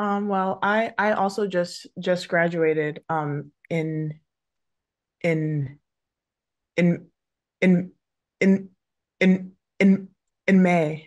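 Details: Adult woman who stutters, with multiple word repetitions audible; stuttering.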